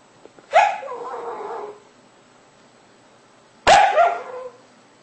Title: sleep talking dog